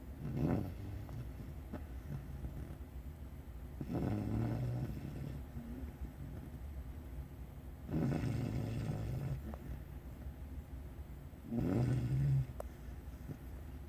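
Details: Snoring during sleep under a desk: low, rattling snores about every four seconds, around 15 a minute, over a steady background hum.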